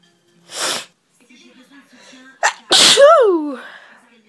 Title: multiple sneezes